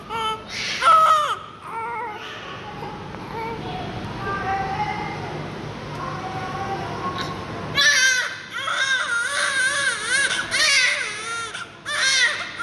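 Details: Newborn twins born to the same mother at the same time: loud, high-pitched repeated wails from one baby with overlapping cries from the second, plus room noise; ordinary newborn crying.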